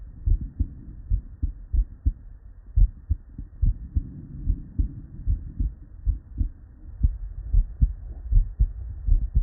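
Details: Real, unedited human heart sounds recorded at the bedside from multiple patients with normal cardiac physiology, looped continuously: normal heart sounds.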